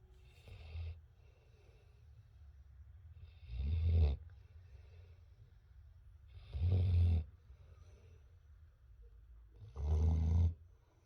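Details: Boerboel mastiff puppy snoring: deep, low rumbling snores about every three seconds, roughly 19 per minute, over quiet background hiss.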